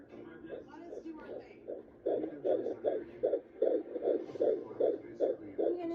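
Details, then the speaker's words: Fetal heartbeat at 15 weeks pregnant on home Doppler with aloe vera gel: rapid, regular whooshing pulses about 150 beats a minute. "This video is for Nana Bear so she can hear the baby's heartbeat. We're using the Neva Doppler and just some good old aloe vera gel."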